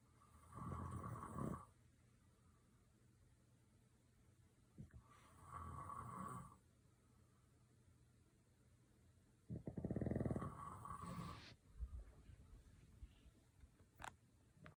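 Three loud, rattling snores about four seconds apart, roughly 14 a minute, with quiet breathing between them. Ordinary snoring.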